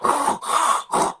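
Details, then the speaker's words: An adult imitates stridor in a child: harsh, high-pitched, squealing noises on breathing in, described alongside a barking cough as an emergency sign. "si tú escuchas un sonido como si trajera un gatita cerrada a cerrar o como un crujido o en algunas ocasiones ya todos un poco más grave que se ve cómo le dicen todos de perro entonces una tos muy intensa o que se escucha al momento de respirar como"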